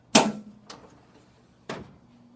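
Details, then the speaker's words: Routine skull radiography positioning demonstration: upright X-ray Bucky tray being centered and moved, patient warned first; sharp metallic clacks and a sliding knock as it locks into position behind the board. "we're going to now Center our Bucky tray always make sure you tell your patient you're going to move the board in case their back is there you don't want to hit their back"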